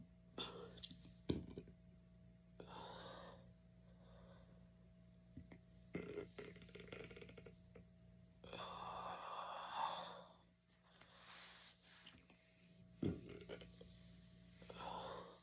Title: Couldn’t stop burping.